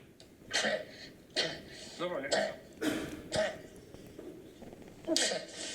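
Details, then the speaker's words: Child with habit (psychogenic) cough: repeated dry, harsh, honking, hacking cough bursts in bouts, without breathing difficulty or night coughing, starting on the way to school. "he had a dry hacking cough once or twice in the it was coming in bouts for having a upper aspect infection and the cough related with it or the fever"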